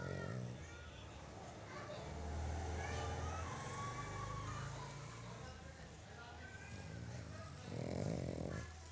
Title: snoring of cookie ( uff cookie k khrate) 😎😘😘pug